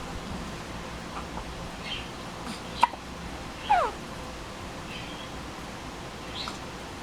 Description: Baby gets the hiccups! What to do, what to do!